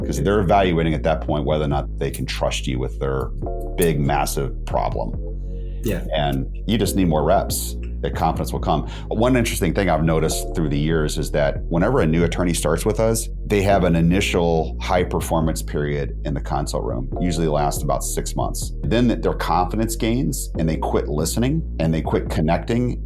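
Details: Adult male speaker; normal speech.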